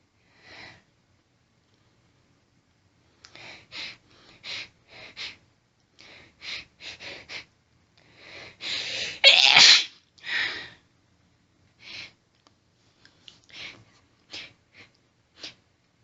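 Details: Female, intense rapid sneezing fit set off by stifling, with heavy hitching build-up: rapid run of stifled, hissing sneezes with short catches between them and one louder full sneeze.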